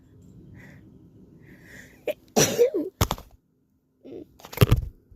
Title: Plants and sneezes haha #sneeze #sneezes #achoo #blessme #sniffles #shorts #australia #bushlife #flu